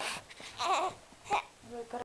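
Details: Infant being burped before a diaper change: brief, fussy whimpering cries with short pauses between bursts, in a quiet room.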